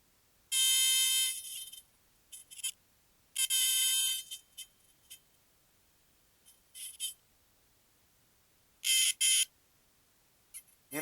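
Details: Electro-acupuncture point detector giving high-pitched beeps in short bursts, reading above 500, confirming correct needle placement in a patient with L3–S1 disc bulges and knee pain.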